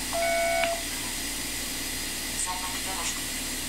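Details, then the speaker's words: iTero digital intraoral scanner during full upper-arch scan of teeth: short electronic beep over room hum, faint chirps after; each beep marks 100,000 laser points captured; normal device feedback. "every time you hear that beep there's 100,000 points of laser light that are being sent out and then reflected back into the little sensor that you're seeing right here"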